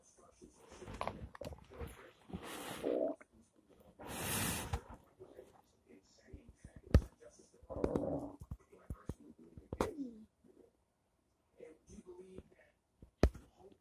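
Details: Drawn-out gurgling and rumbling bursts with quiet gaps between; ordinary stomach rumbling (borborygmi) from gas and fluid moving through the gut.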